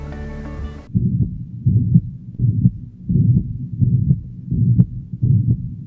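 Regular heart rhythm near 85 beats a minute with a low, blowing murmur filling systole, a mitral regurgitation murmur; brief music at the start.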